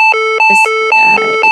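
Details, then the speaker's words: Synchronized cardioversion demonstration for adult tachyarrhythmia with a pulse, 200 joules selected: loud, repeating two-note electronic alarm, the defibrillator's charged alert, ready to shock. "and now it's time to charge and then administer the shock. So I'm going to hit charge."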